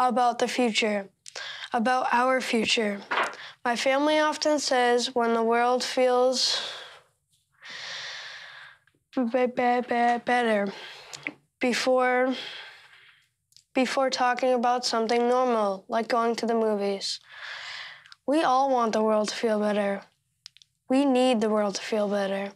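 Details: Stuttering in a 13-year-old boy.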